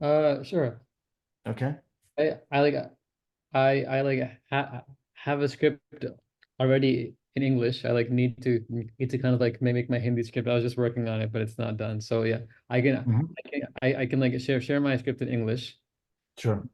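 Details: Adult man who stammers and says he repeats sounds and gets stuck while speaking; stuttering.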